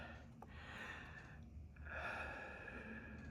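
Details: Heavy breathing after exertion.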